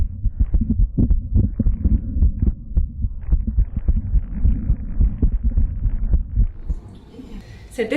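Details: Live stethoscope heart sounds, rapid regular low thumps at about 107 a minute with rustling noise; heart sounds.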